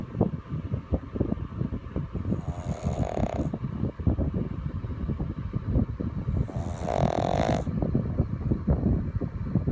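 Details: Pug (flat-faced dog) snoring: continuous rattling, snorting breath noise with two louder whistling snores.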